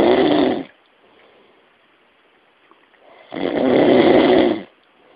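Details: Snoring: two loud, rough snores about three seconds apart, with quiet breathing between them.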